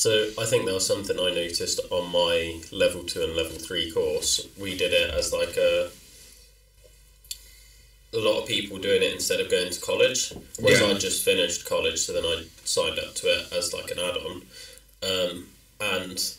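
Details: Adult speaker; typical speech.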